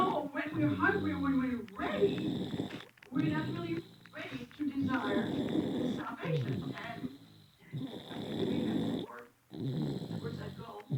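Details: Sleeping infant in church giving loud, rattling snores with each breath, several cycles in a row, over a steady background hum; infant snoring.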